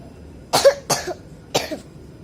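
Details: Child with a heavy cough, about to take children's cough medicine, in the rainy season: three sharp, forceful coughs in quick succession.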